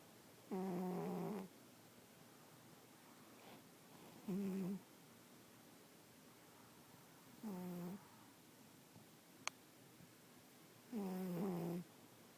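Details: Four loud, buzzing snores about every three seconds, roughly 17 a minute, from a sleeping cat; very loud ordinary snoring.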